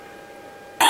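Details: Retching/gagging (laryngeal reflex) in a brachycephalic dog, a symptom often heard in brachycephalic syndrome, where laryngeal collapse adds risk.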